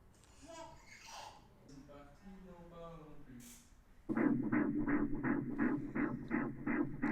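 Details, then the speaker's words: Rapid, regular whooshing fetal heartbeat at about 165 beats a minute, heard with quiet voices during a first-trimester pregnancy ultrasound. "c'est le petit coeur du bébé"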